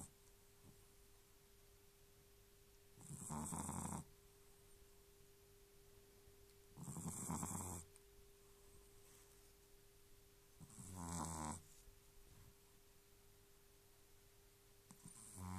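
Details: Sleeping dog with its tongue sticking out of its mouth, snoring very loudly: loud, rough snoring breaths about every four seconds, roughly 15 a minute, over a steady background hum; snoring.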